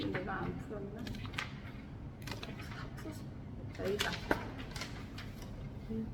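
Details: Adult woman; sleep talking (somniloquy).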